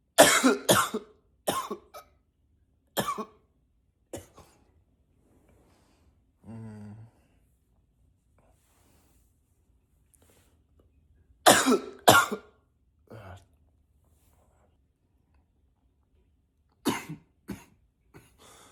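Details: Acted coughing: repeated bursts in clusters with quiet gaps between them, some deliberately forced in a deeper voice.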